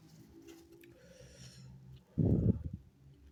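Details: A single sneeze into a robe: quiet rustling, then one loud, muffled burst with a short tail.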